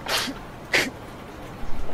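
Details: Two quick sharp bursts of air, an acted sneeze by a young Indigenous man in a short drama.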